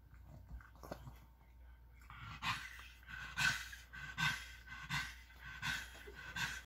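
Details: Pug, a flat-faced dog with a breathing problem: rhythmic snorting, raspy breaths at roughly 40 a minute with faint panting; noisy brachycephalic airway breathing.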